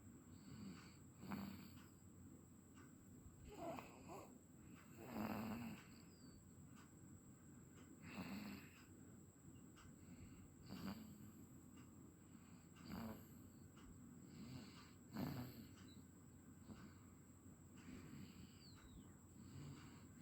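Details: Ordinary snoring: rhythmic rattling snores on each breath in, about 8 in twenty seconds, over steady room hum.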